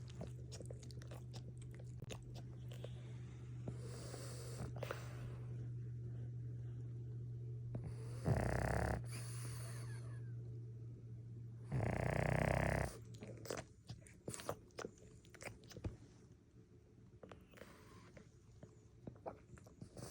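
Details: French Bulldog snoring during a nap: two short, harsh snorting snores over a steady low hum, with scattered clicks and rustles.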